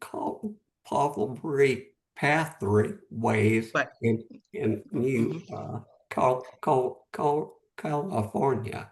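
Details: Post-stroke aphasia in a man, stroke 11 months earlier; at first could say only one word, could speak a little after three or four months; real, unscripted speech.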